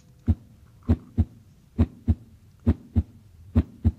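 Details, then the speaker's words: Normal heart sounds in a cardiology lecture: regular lub-dub at about 67 per minute, S1 from AV valve closure as ventricles contract and tighter S2 from semilunar valve closure as they relax. "they just have a a tighter closing sound it's a dup so it's love du up led up so let's listen to that"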